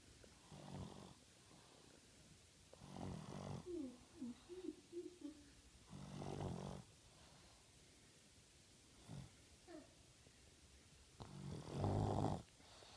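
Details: Sleeping person snoring: five low, rattly snoring bursts every few seconds, unevenly spaced, with faint squeaky whistling between two of them in a quiet room; ordinary snoring.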